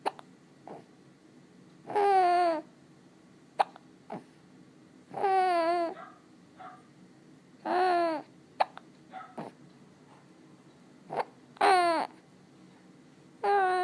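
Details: Infant with spit bubbles cooing and babbling in short voiced bursts, broken by abrupt little clicking catches: repeated infant hiccups.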